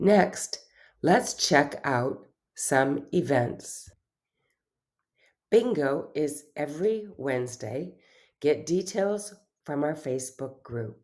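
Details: Adult woman speaking; normal speech.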